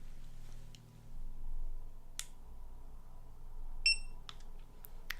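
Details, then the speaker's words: Simulated ASMR roleplay: a fingertip pulse oximeter switched on before reading saturation and pulse, giving a single short high beep over room hum with faint clicks; reading then 95% saturation, pulse 74–83. "I'm going to turn it on okay it will make a beeping sound just hold your finger out like"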